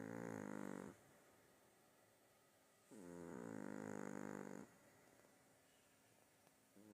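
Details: Dog snoring while lying on its owner: two long, buzzing, rattly snores about two seconds apart, separated by quiet pauses.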